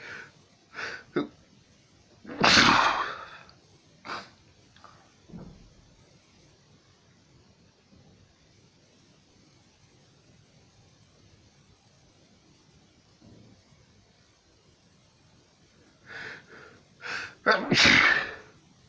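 Repeated sneezes in two clusters, with sharp explosive bursts and short inhalations between them; a sneezing fit.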